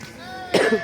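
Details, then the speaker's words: Persistent, harsh cough from a friend at Baglung Kalika temple: a single short cough bursts out over ringing temple bells; companion says the friend is worn out from constant coughing. "लागिरा छ यार मुरा आको साथी खोकी लाएर लास्टै बनाए छ एकदम"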